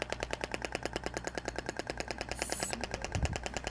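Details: Rapid, regular sharp clicks, roughly twenty a second, from a Thork shockwave therapy applicator held static on a muscle tension point; practical demonstration on a patient.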